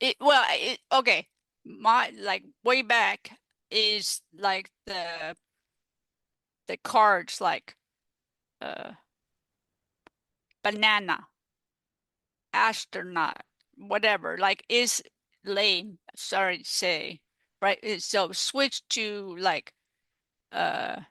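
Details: Adult female stroke survivor with aphasia caused by stroke, in recovery, who uses word practice cards; aphasia.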